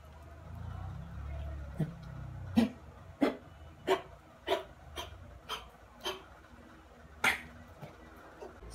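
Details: Repeated short harsh coughing bursts, about nine in a row, from a dog the owner reports had canine distemper virus in December 2022, with room noise.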